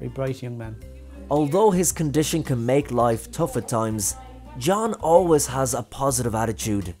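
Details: Adult male narrator; normal speech.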